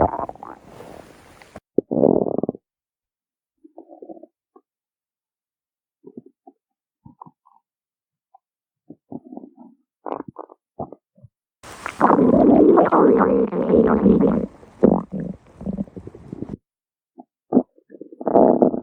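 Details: Irregular gurgling and rumbling bursts from a hungry puppy's belly with quiet gaps between them; normal stomach growling from hunger.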